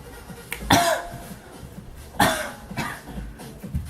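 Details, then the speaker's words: Adult coughing repeatedly, blaming mold in the room. "I don't know why I'm coughing so much God damn mold that room with some real [ __ ]"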